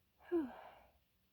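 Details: A single loud, forceful sneeze, a brief sharp intake then an explosive burst with visible spray trailing off within a second, from a person who says they are cold; sneeze.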